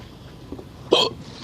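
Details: Single sharp, brief hiccup against quiet background noise, recorded while parking a Kia Soul; adult with a bout of hiccups who asks how to cure them.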